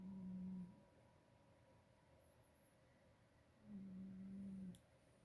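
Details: Cat snoring while asleep, recorded from a distance to avoid waking her.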